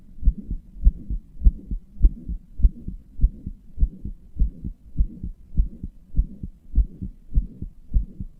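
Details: Self-described weak, inefficient heart that murmurs and palpitates: regular, fairly fast heartbeat about 100 beats a minute with a low whooshing fill between paired beats, heart murmur.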